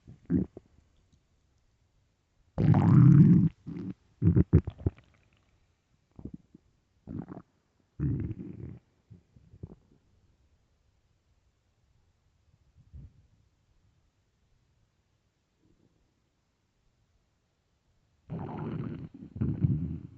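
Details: Stomach growling, possibly from hunger: bursts of low gurgling and rumbling separated by pauses in a quiet room.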